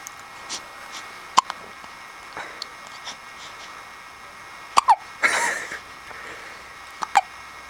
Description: My little 1 week old daughter with the hiccups and when you put a finger in her mouth, it gets louder and more high pitched :)